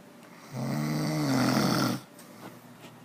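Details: One loud, rattling snore lasting about one and a half seconds, with quiet room noise before and after; snoring.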